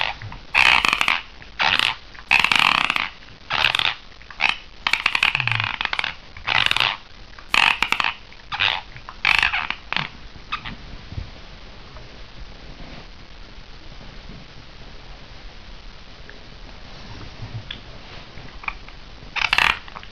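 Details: Adult woman recorded asleep, repeated short gritty scraping bursts that worsen as the recording goes on: sleep bruxism (teeth grinding).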